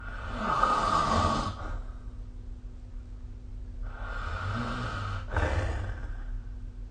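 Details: Snoring during sleep recorded with the SnoreLab app: harsh fluttering snores on breathing in, softer breaths out, steady low hum behind.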